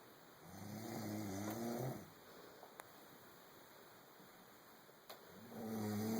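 Rough snores on breathing in, with a quiet gap between, over a faint television in the background: snoring during sleep.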